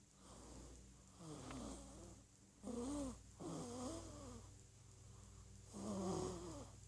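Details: Soft, squeaky, whistling snores from a 1-month-old infant, about two per breath cycle over a steady background hum; noisy infant sleep breathing, snoring.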